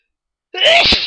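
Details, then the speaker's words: Morning sneezing fit with watering eyes: one loud, sudden voiced 'achoo' among repeated sneezes; an ordinary sneeze. "Oh, I'm so. I was just so sneezy this morning, and I thought I'd try to give you a few."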